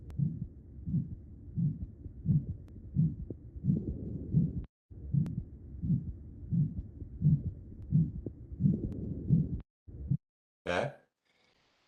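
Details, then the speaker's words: Real patient: regular heartbeats with a harsh systolic murmur between S1 and S2 that peaks early, then a longer pause before S2; aortic stenosis. "here's an example of an earlier peaking systolic murmur okay so it peaks and then there's a longer pause and then s2"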